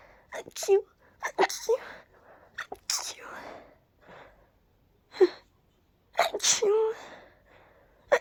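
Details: Person deliberately ending each sneeze with a voiced "choo": several sneezes, each a sharp "achoo" burst after a quick indrawn breath, with quiet sniffing between.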